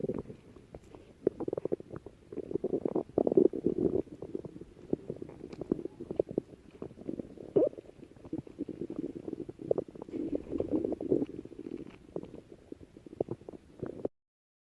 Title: Kunimitsu Tezuka’s stomach growling